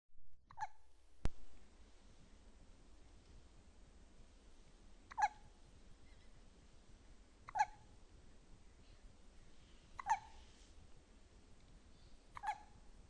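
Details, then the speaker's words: Midnight hiccups, jokingly blamed on Daddy: soft, sharp little hics about every 2.5 seconds, roughly 24 a minute, over quiet room hum. "Daddy gives her the hiccups. Too much bourbon will do that every time."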